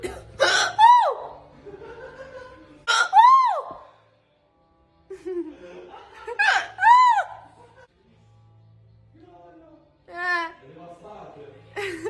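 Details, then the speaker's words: Person with repeated hiccups in public, says she can't do anything about it; about four sudden, sharp, squeaky voiced hiccups over twelve seconds, with music and laughter in the background. "signore Ho il singhiozzo così non non ci posso fare nulla"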